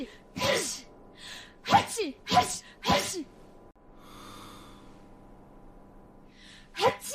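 A quick series of short, sharp nasal bursts with small gasps between them: repeated sneezes.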